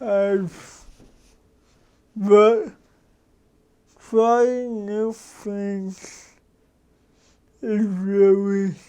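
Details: Adult man with cerebral palsy for 53 years, which he says came from damage to the brain and spinal cord; he says his speech differs from most people's and he adjusts it so others understand; dysarthria (cerebral palsy).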